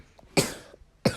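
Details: Girl who is ill with a very high fever, caught at school, gives two short, forceful coughs about half a second apart in a quiet room while playing a game; cough.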